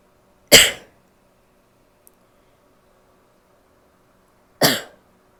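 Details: Female with two short, harsh, explosive coughs about four seconds apart in a quiet room, with a somewhat barky quality; barking cough.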